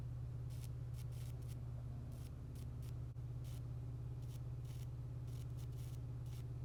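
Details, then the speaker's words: At-home skin tag/mole removal electrocautery pen used on the face, burning off small spots and cauterizing at once into an immediate scab, reportedly painless: steady low buzzing hum with short sizzling crackle bursts. "And basically, what's happening is it's burning off those little spots and it's cauterizing itself at the same time. So it's an immediate scab."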